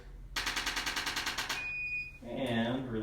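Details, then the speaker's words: A second-long train of sharp mechanical taps from a chiropractic adjusting instrument on tight muscles at the back of the arm, then a brief beep and faint talk. Treatment for a man's shoulder pain, with motion rechecked afterward. "relax your arm, we're going to recheck that motion."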